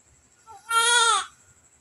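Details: A single short, high-pitched wailing cry from a newborn after a normal delivery, with a brief whimper before it; normal newborn cry.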